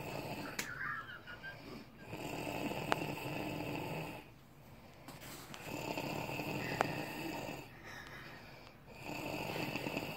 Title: Snores